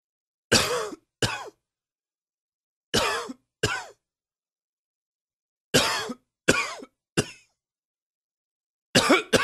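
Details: Adult morning smoker's cough: harsh short bursts, nine coughs in pairs and a triplet.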